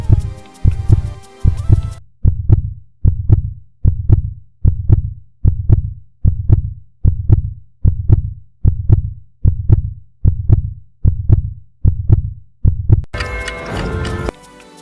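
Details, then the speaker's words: Regular heartbeat, steady paired low thumps at about 75 a minute, framed by brief music at start and end. "आप सोए हुए इंसान का heart beat तकरीबन 59 धड़कन पी मिनट होता है"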